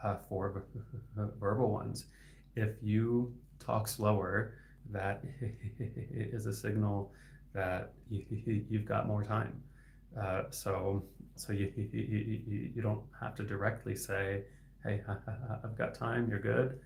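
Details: Adult male speech-language pathologist who stutters; his stuttering is inconsistent, sometimes with words stuck for about 15 seconds; repetitions heard; stuttering.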